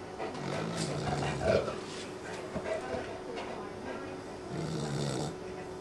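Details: Daisy, a 12-week-old sleeping puppy: low, rumbling snores with snuffling breaths, a few cycles over several seconds; puppy snoring.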